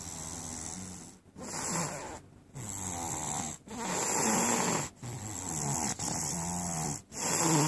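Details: Snoring: loud, rough, fluttering breaths repeating with very short pauses and a low buzzing vibration.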